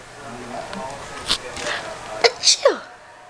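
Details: A mother's sharp, explosive sneeze with a quick follow-up sound, over quiet room noise and soft voices as a child laughs: sneezing.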